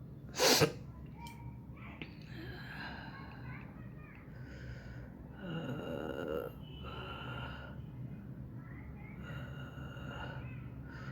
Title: Sneezing Nose Blowing Challenge Video With Pen | Funny Video